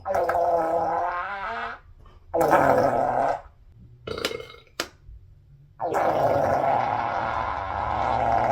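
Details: Three long, loud, gurgling belches separated by short pauses, repeated burping in a person bloated after a lunch of pizza, fries and a shake.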